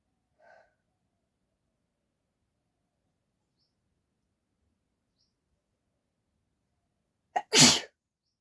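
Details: A woman in a sneezing challenge induces a sneeze with a cotton bud, without a handkerchief: a single loud sneeze with a quick intake just before it, after a long quiet stretch.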